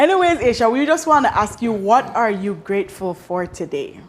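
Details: Adult woman speaking; normal speech.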